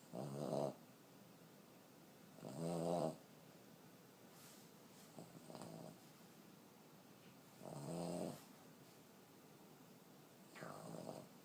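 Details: Fourteen-year-old female Boston terrier, a small flat-faced dog, snoring hard like a train: rhythmic nasal snores, some louder than others, about 25 a minute.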